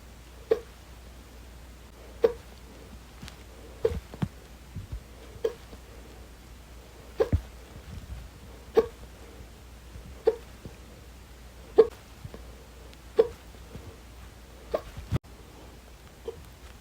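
Sharp, regular hiccups about every one and a half seconds, roughly 40 a minute, about eleven in all, in a quiet room.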